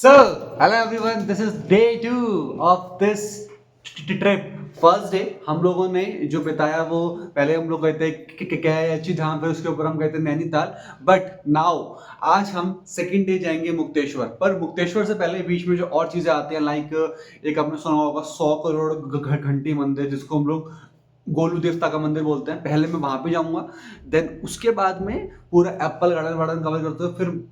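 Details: Male vlogger who describes himself as a stammering speaker, speaking Hindi-English, with a repeated word 'and'; stuttering.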